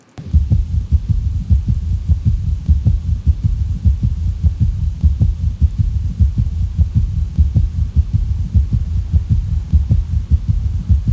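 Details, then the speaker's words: Heart failure patient, heart auscultation: fast, low-pitched heart sounds in triplets, a soft dull third sound after the second sound between lub and dub, an S3 gallop. "लब और dub के दरमियान कोई तीसरी sound आपको सुनाई दी है background में?"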